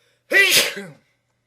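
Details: One sharp, forceful sneeze, a quick explosive burst of air and voice; sneezing.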